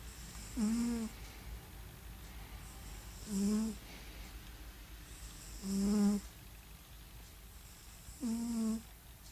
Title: snoring lithuanian cat :)